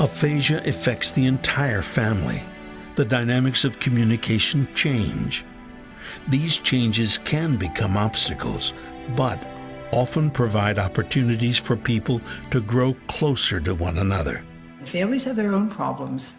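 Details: Adult male narrator; normal speech.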